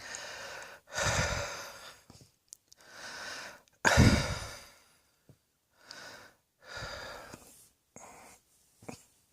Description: Lounging on the bed - still coughing with my big belly heaving!